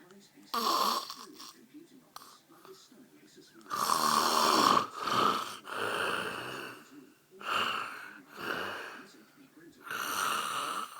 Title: Daddy snoring